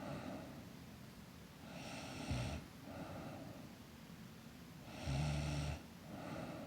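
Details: Sleeping girl snoring: soft, low snores on breathing in, about one every three seconds, quiet breaths between, steady room hiss.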